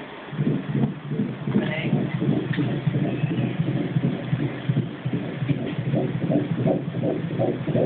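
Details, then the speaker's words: Fast, regular whooshing pulses, roughly 165 beats a minute, with room hum behind, heard on an 11-week IVF twin pregnancy ultrasound; fetal heartbeat on ultrasound. "i think the balloon was always the hardest to try to find the heartbeat did i see it you can actually see it beating something right now"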